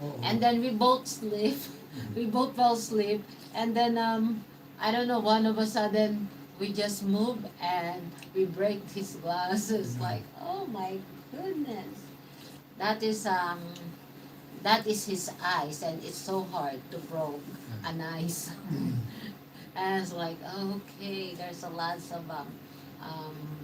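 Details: Man, 115 days into self-therapy for mild aphasia after a mild stroke; hesitations and sentence restarts; mild aphasia after stroke.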